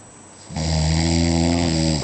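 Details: Single long, deep, vibrating snore on the in-breath lasting about 1.5 seconds after a brief quiet pause, recorded in Sardinia after a night of heavy drinking; snoring.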